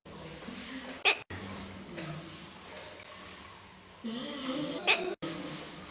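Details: Young giant panda cub at a conservation and research center, walking in its enclosure: two sharp, brief hiccup jolts a few seconds apart over steady outdoor noise; hiccups.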